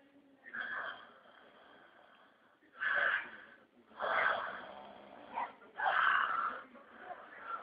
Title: My Loud Snoring Husband